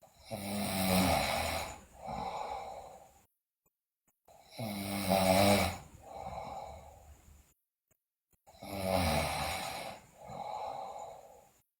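Loud rhythmic snoring at about 14 breaths a minute. Each harsh, buzzing inhale is followed by a softer exhale, with brief silences between cycles.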